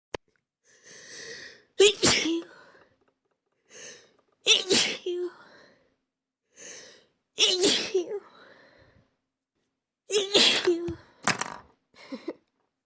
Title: sneezing fits